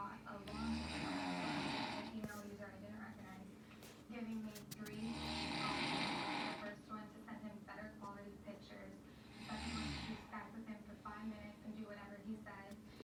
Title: My snoring is never boring